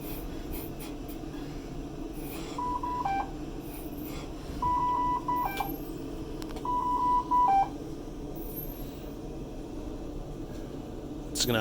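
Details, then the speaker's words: Ventilator alarms in pressure control AC mode: repeated bursts of steady electronic beeping over quiet room hum, set off by triggered breaths simulating a patient cough. "we'll say a cough you're gonna start getting some pretty crazy alarms"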